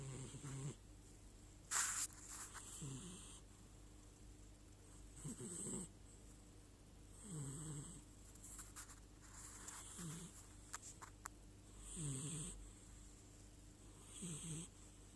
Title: My black cat snoring Kalu Dec 18